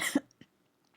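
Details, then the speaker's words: Adult who feels irritation in her throat and needs to get better: a single short, moist-sounding cough, then quiet. "I really need to cough. Sorry, you guys hear that extra loud."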